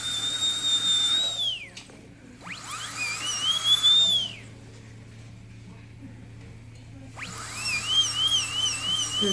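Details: Loud, shrill whine of a high-speed dental handpiece rising and falling in pitch as old bracket glue is removed from a tooth of a braces patient treated for anterior open bite.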